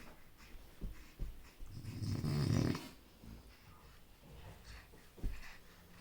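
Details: Baby snoring in sleep: a low, snorting snore rises and fades once, with soft, snuffly breathing around it.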